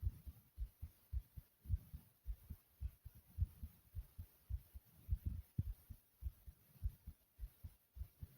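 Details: Soft, rapid, low thumping heartbeat, roughly 100 a minute, with a steady faint hiss in the background; the person describes their heart as thumping loudly.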